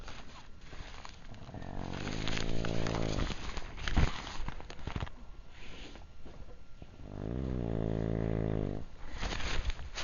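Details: Adult man snoring outside his tent after a drunken night at Le Mans 2006: two loud, deep, rattling snores a few seconds apart over outdoor background noise, heavy snoring.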